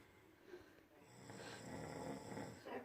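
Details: A man who claims he does not snore, snoring again: low, rough, rattling breathing noise building over a few seconds in a quiet room.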